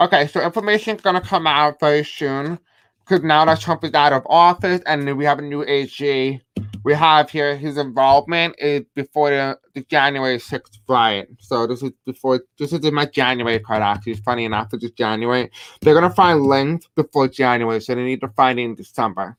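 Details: Adult male with self-described deaf accent, who says he may have a hard time pronouncing certain words, live-streaming; deaf speech.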